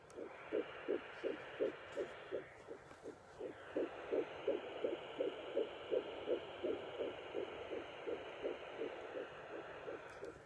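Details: Fetal heartbeat at 10–11 weeks of pregnancy, picked up with a doppler pressed on the mother's abdomen: rapid, regular whooshing pulses at about 165 a minute over hiss.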